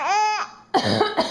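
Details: A mother gives two short, deliberate coughs after a brief high-pitched infant laugh; the baby finds the coughing funny.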